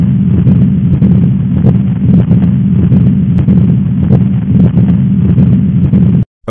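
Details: Stethoscope heart sound demonstration among abnormal heart sounds: continuous low rumbling, machinery-like murmur; patent ductus arteriosus.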